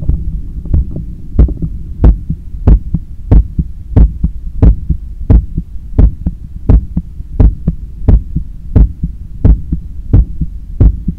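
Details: Own heart sounds by stethoscope after a 10 km run, lying on a daybed leaning on left side while controlling breathing; strong, regular lub-dub about 90/min over low hum; normal heart sounds, quickened after exercise.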